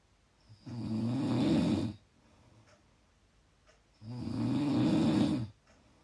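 Two long, loud, rattling snores on inspiration about four seconds apart, with quiet pauses between; heavy snoring at roughly 15 breaths a minute.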